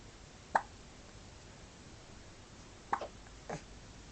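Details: Adria: three short, soft gulping clicks over about four seconds in a quiet room: hiccups.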